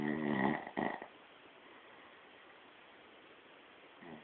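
One rough, buzzing snore at the start, then quiet hiss, with the next snore just beginning at the end.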